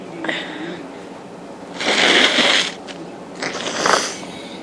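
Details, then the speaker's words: Person trying to sneeze, saying "I'm gonna sneeze": repeated breathy, building inhalations and short noisy bursts, stalled sneezes that won't come out. "I'm gonna. I'm gonna sneeze. Two. I'm gonna. Sneeze. Two. I'm gonna sneeze. Ooh."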